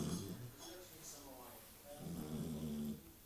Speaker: just that's one snoring puppy